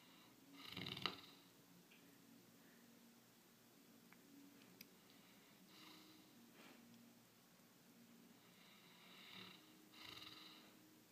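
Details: A 1-year-old Briard dog snoring: faint, irregular snorting breaths against quiet room noise, light snoring.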